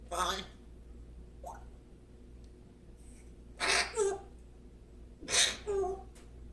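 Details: Three short, sharp bursts of air through the nose over a few seconds, each a sneeze, against a steady low room hum; sneezing.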